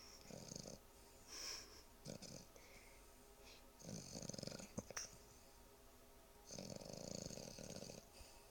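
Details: Sleeping dog snoring: rough, rattling breaths recurring a few seconds apart.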